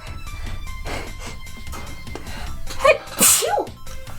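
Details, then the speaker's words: Adult streamer, drawing during a live stream with soft background music, warns of sneezing again, then gives a single forceful sneeze: a quick indrawn breath, then a sharp explosive burst. "I'm going to sneeze again uh-oh"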